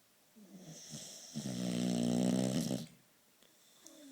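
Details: Boxer dog napping in an odd posture snoring: a single loud, buzzing, rattling inhaled snore; owner notes it snores even when awake and questions its nostrils.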